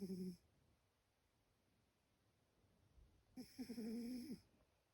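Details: Cat snoring while apparently awake: two brief, rough, buzzing snore sounds on breaths about three seconds apart, with quiet in between.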